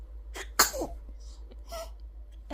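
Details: A small infant sneeze, a soft intake then a sharp, brief burst of air, followed by light soft sounds, from a 3-month-old baby who laughs after sneezing, just after feeding.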